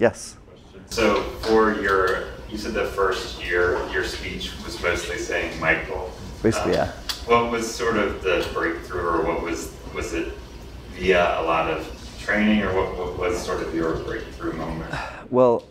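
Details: Adult male speaker; typical speech.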